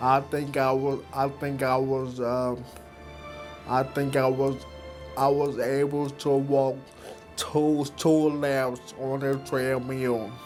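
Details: Man who had a stroke, described as an aneurysm, at age 23, with a tremendous recovery of walking and talking; speech impairment after stroke.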